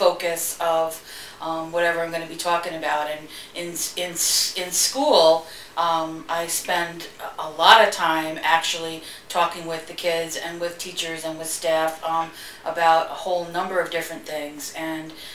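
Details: Adult woman who stutters and works in a school; frequent interjections such as 'um' and 'uh'; stuttering.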